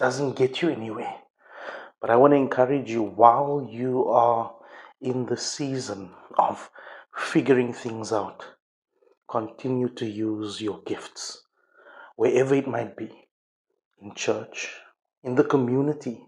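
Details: Adult male speaker; speech.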